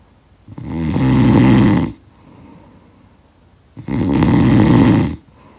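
Two loud, rattling snores on the in-breath with quiet pauses between; ordinary heavy snoring, a sound-effect recording.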